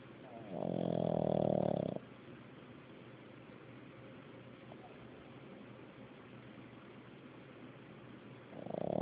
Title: Buzz snoring